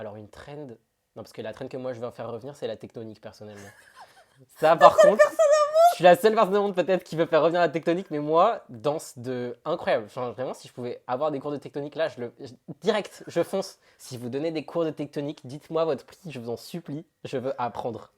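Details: Adult woman speaking French; Normal adult speech.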